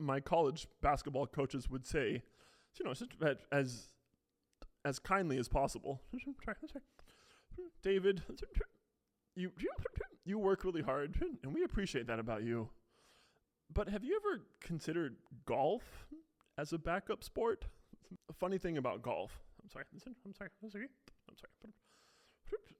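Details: Adult man with a self-described pretty bad case of Tourette syndrome who says he technically also stutters; vocal tics with repeated words; Tourette syndrome vocal tics with stutter-like repetitions.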